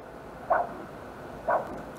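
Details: Normal lower extremity arterial Doppler signal recorded by ultrasound on a normal patient, scanning from the femoral artery through the superficial femoral to the popliteal artery.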